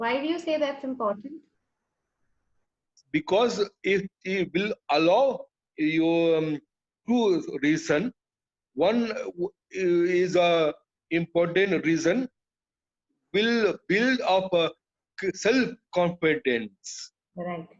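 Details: Adult male with chronic aphasia after a haemorrhagic stroke to the speech centre; he lost all speech, was told he would never speak again, and relearned it through years of speech therapy, still hesitating and leaving sentences unfinished.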